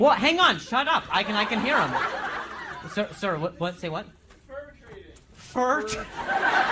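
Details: Adult male comedian who stutters, performing live crowd work on stage; he says noises in his ear while he talks make him stutter. Real stuttering.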